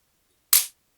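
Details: Single sharp snapping click of a spring-loaded chiropractic adjusting instrument delivering a cervical (neck) adjustment, in a patient with L3–S1 disc bulges and knee pain being treated with acupuncture and electro-acupuncture.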